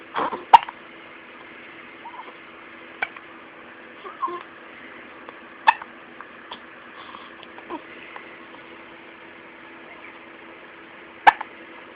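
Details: Two-week-old baby girl with hiccups: several short, sharp hiccup sounds spaced irregularly, with soft baby noises and a faint steady room hum; harmless newborn hiccups.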